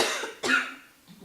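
An adult gives two short, dry cough bursts in a small room, the second sharper and stronger; a cough attributed to allergies.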